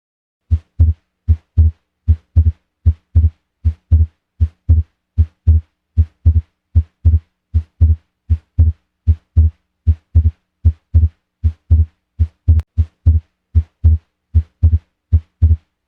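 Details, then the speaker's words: Persistent splitting of S2 on cardiac auscultation: regular heart sounds at about 77 per minute, where A2 and P2 stay separate and do not fuse into one sound during expiration, so the second sound remains split through breathing cycles. "el desdoblamiento de ese 2 persistente ocurre cuando a 2 y p2 no se fusionan en un solo ruido durante la espiración"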